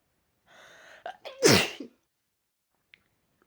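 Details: Person with a cold and sore throat: a wind-up breath then one loud, forceful, violent sneeze with a brief trailing sound; sneeze.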